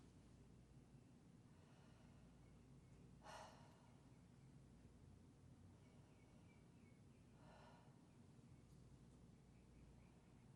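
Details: Deep full inhalations and exhalations through the mouth (avoiding nasal whistles) during stethoscope auscultation of the lung fields in a pulmonary exam; patient has shoulders rolled back, moving to lower lung fields; normal breath sounds.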